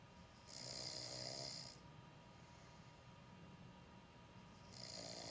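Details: A man knocked out asleep and snoring: two loud, hissing, rattly breath sounds about four seconds apart over steady room noise.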